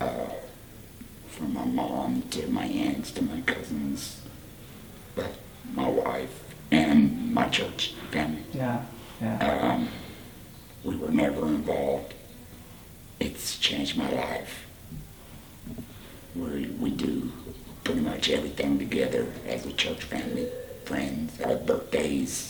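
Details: 38-year-old man, about four years after total laryngectomy for laryngeal cancer followed by radiation, speaking with a Provox voice prosthesis and HME; tracheoesophageal speech.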